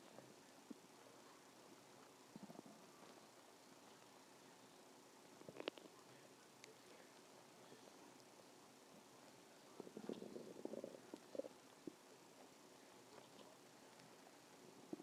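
Quiet gurgling and rumbling bursts over a low background hiss; ordinary stomach growling from gas and fluid moving through the gut.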